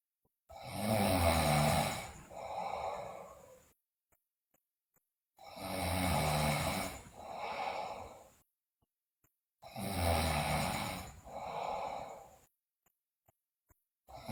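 Loud rattling snores on each breath in, each followed by a softer snore on the breath out, about 13 breaths a minute.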